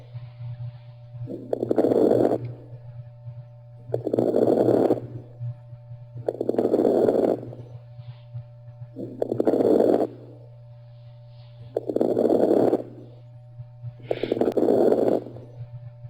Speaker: what we are listening to right now are lung sounds that are rails which is the definition that you just wrote